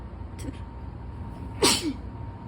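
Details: One short sharp sneeze with a quick intake before it, against faint road noise, while reading aloud during an allergy attack; allergic sneezing.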